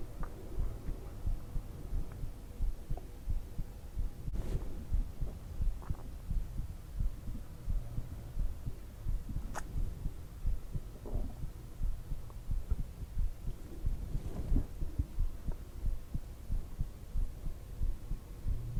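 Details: Steady, deep heartbeat thumps at roughly 88 a minute over a low hum, offered as relaxation heartbeat sounds; normal heartbeat.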